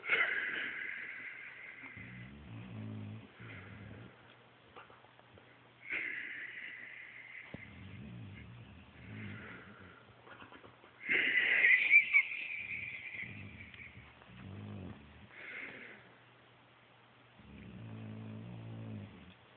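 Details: Noisy snoring, with jowls flapping on breathing out: repeated breaths with a high whistling, wheezy tone and low fluttering snores on the other phase.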